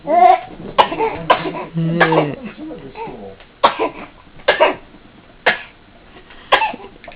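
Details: Infant fake coughing in an exersaucer: babbling and vocal sounds, then several short, sharp, deliberate coughs in a small room; playful voluntary cough, not illness.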